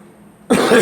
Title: Me coughing